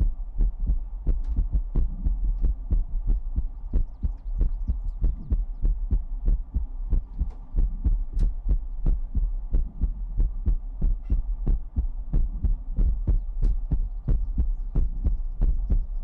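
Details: Heartbeat sound in an ASMR livestream: a regular, low thumping heartbeat at about 92 beats a minute with a steady low hum underneath; an ordinary heartbeat.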